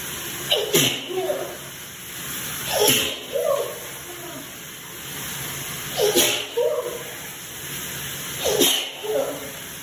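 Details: Four sneezes in a row, each a sharp inhaled catch and burst about every 2–3 seconds, recorded in the shower; person suspects sensitivity to newly bought scented soap, sneezing about 30 times; repeated sneezing.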